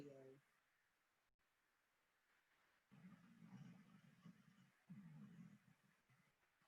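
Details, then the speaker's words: Two loud, low, rattling breaths in a quiet room, each over a second: a sleeping dog snoring very loudly. "i hope you can hear the dog snoring it's very loud"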